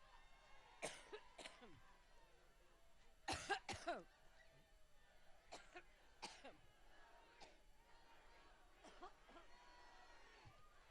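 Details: Adult woman, a political figure speaking at a rally, has a coughing fit of about ten harsh, dry coughs, some in quick pairs; she attributes it to allergy.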